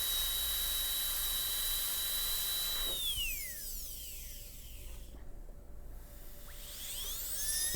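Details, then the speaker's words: A high-speed dental handpiece whines steadily, winds down, then briefly spins up again. The burr tip is beveling the gingival margin of an MOD gold onlay preparation on a soft Kilgore preprepared typodont tooth, in a class demonstration. "I'm going to try to use just the tip of that bur to get the bevel across there."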